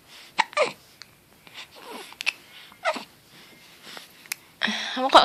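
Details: 1-month-old baby: soft baby sounds and small catches, then a sudden short burst near the end, an infant's sneeze, with adult voices murmuring in the background.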